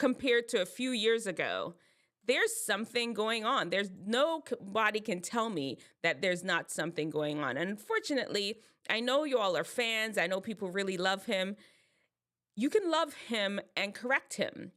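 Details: Adult woman speaking; normal speech.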